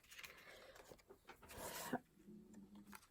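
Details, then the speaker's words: One loud snore from a dog resting under a table: a rough, noisy breath in, then a low droning breath out, against quiet indoor room noise. "and you can hear that snore my dog is right under my table yes snoring so loud"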